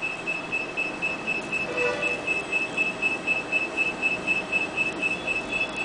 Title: Permanent Canine exposure using Zolar dental diode laser